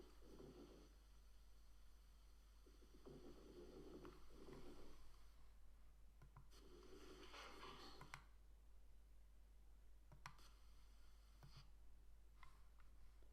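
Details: Lung auscultation with a stethoscope in a teaching recording: low, bubbling, popping sounds during inspiration and expiration, coarse crackles.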